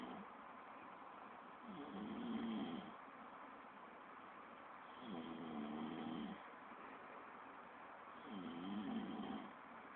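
Three soft, rough snores on breaths in, spaced about four seconds apart, with steady background hiss: ordinary sleep snoring.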